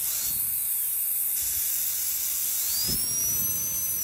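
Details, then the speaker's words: Class II interproximal cavity preparation for composite filling: high-pitched whine of dental drill with hissing water spray, rising in pitch as the bur penetrates the mesial pit to 1–1.5 mm depth for the initial punch cut; dental drill cutting tooth. "penetrate the meal pit to I depth of 1 to 1.5 mm for the initial punch cut"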